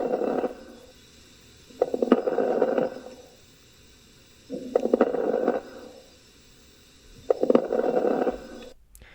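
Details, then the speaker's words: Teaching lung exam case, right lower lung base: breath sounds with brief popping crackles early in each breath, with decreased breath sounds and dullness to percussion in the right lower lobe. "appreciate that lung sound on the right lower bass and that sounds like a crackle the red box for reference also on auscultation you appreciate decreased breath sounds in that same area"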